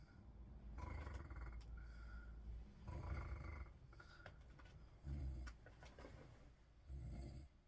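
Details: Joe snoring while lying in a bed: low, rough rumbling snores recurring about every two seconds in a quiet room; ordinary snoring.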